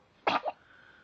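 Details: Dog sneezing: one short, explosive sneeze in a quiet room; three big sneezes in total.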